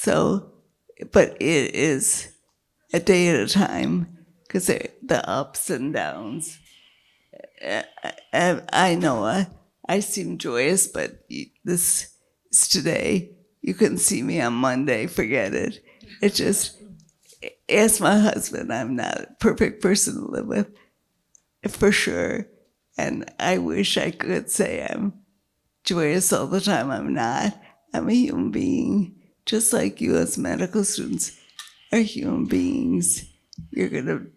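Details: Woman with multiple sclerosis and a failing diaphragm, struggling to keep her voice, with an earlier brain lesion that caused total speech loss and word-finding difficulty; dysphonia (weak voice) in multiple sclerosis.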